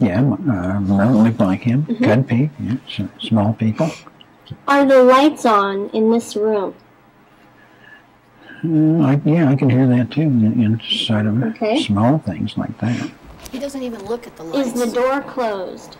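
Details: Man with severe, long-term persisting Wernicke's aphasia, producing fluent speech without articulatory problems but with words that do not form meaningful sentences, and with severely impaired comprehension; examiner's questions are mixed in.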